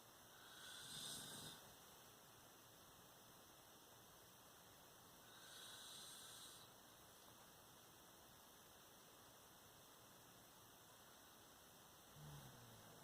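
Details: Adult father snoring in sleep at night: soft, breathy snoring sounds about every five seconds over a steady room hum.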